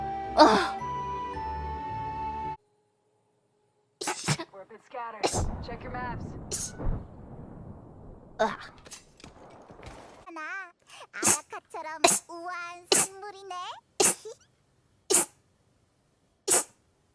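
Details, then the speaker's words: Streamer's sneeze compilation clip: after a burst of music, a string of short sharp sneezes with voiced bits between them; repeated sneezing. "oh sneeze oh my god my sneeze is oh my god no way i'm gonna mute myself every time i sneeze"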